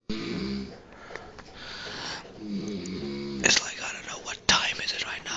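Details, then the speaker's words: Adult man (father) snoring loudly while asleep at night, recorded by his child: loud buzzing snores on the breaths with whispered talk nearby; snoring. "So he's sleeping with me and I'm going to have my revenge cuz his snores are like killing me and I'm going to videotape them and freaking whatever and put it on YouTube."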